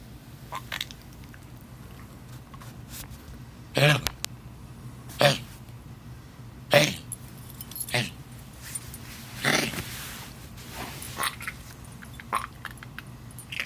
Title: trying to cough something up